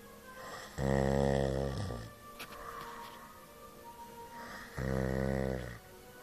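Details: Sleeping person snoring: two loud, rattling, buzzy snores about four seconds apart, with quiet breathing between, about 15 breaths a minute.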